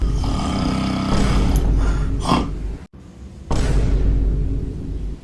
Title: Dog wakes up loud snoring grandpa 😂 #dogs #dogshorts #funnyshorts #youtubeshorts #funnypuppy